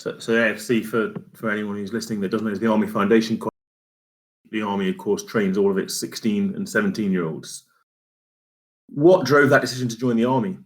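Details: Adult man speaking; typical speech.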